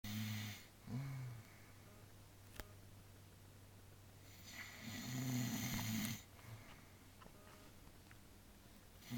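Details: Elderly woman (grandmother) asleep, snoring loudly: two loud, rough, low snoring breaths in a quiet room, each followed by a pause; snoring.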